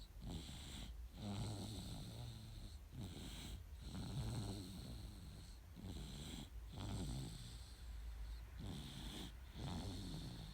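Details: Soft, regular rattling snores with each breath, about 22 a minute, over a steady background hum, from a 9-month-old baby boy sleeping peacefully; baby snoring.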